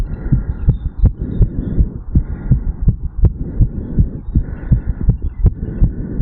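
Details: 35-year-old male, heart sounds recorded over the mitral/bicuspid valve area after an afternoon walk/sprint: quick, regular heartbeat sped up after exertion.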